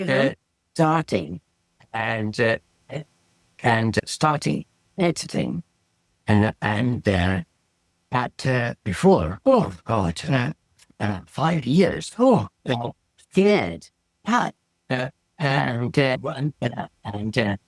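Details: Non-fluent aphasia from a stroke about 17 years earlier in an adult man; speech is difficult, slow and described as slurred, while reading is fine.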